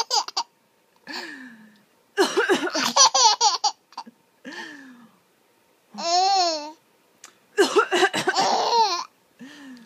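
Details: Mother coughing in short, harsh bursts while her infant son laughs brightly in between.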